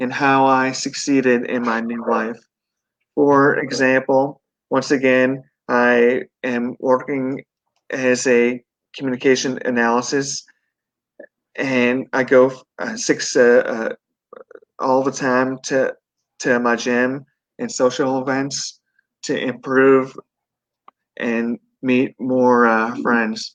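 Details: 42-year-old man with a stroke at 17 from an artery rupture during benign brain tumor surgery, followed by induced coma, global aphasia and right-sided paralysis; relearned speech; mild residual aphasia.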